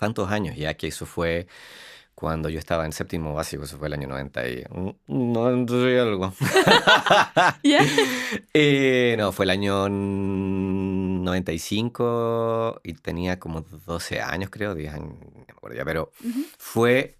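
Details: Adult man, organizational psychologist, with lifelong stuttering since childhood; Spanish speech; stuttering.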